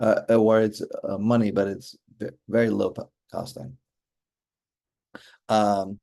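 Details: Chronic aphasia in an adult male stroke survivor, caused by a stroke during mitral valve surgery (hereditary mitral valve prolapse) in 2007; he still finds communicating hard.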